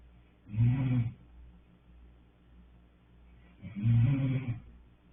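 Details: Two deep, rumbling snores about three seconds apart, with quiet breathing between; snoring.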